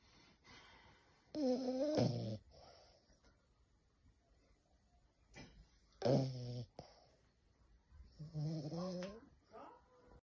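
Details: Sleeping French bulldog snoring: irregular snorting snores with whistling, squeaky inhalations, separated by quiet pauses.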